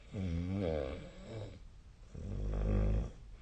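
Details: Sleep recording: two loud, rough, rattling snores on breathing in, with a short quiet gap between; snoring.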